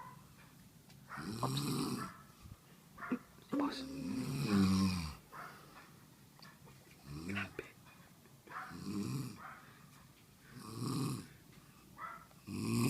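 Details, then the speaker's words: Loud snoring from someone found by friends searching after hearing it during a video game, louder as they approached: rough snoring bursts recurring every few seconds with noisy gaps between them. "Hahanapin namin yung humihilik ang lakas dito malapit lalong lumalakas yung boses"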